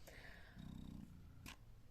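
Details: Spectra S2 hospital-grade electric breast pump running in expression mode; low, rapid rumbling motor pulse with faint clicks.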